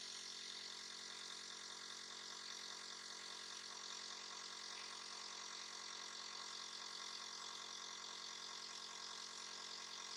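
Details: A nebulizer used by Mom as a breathing aid for little Dobi when she coughs and sneezes: steady, rapid mechanical buzzing with a continuous hiss from the compressor.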